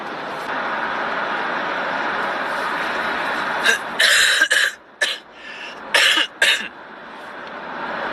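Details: Taemin coughing after tasting food on a show, having been severely motion-sick: about five sharp coughs in a short run against steady background hiss; a plain cough.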